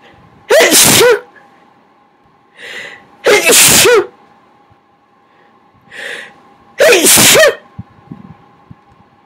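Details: Three loud, huge, wet sneezes, each preceded by a quick inhaled breath, with steady room hum; person attempting to talk between sneezes on request, says nearly sneezed out.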